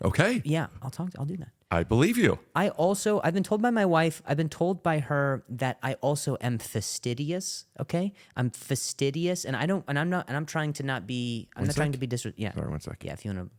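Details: Adult male comedian with stuttering, which he calls a stuttering disorder, who attends speech therapy, speaking in conversation.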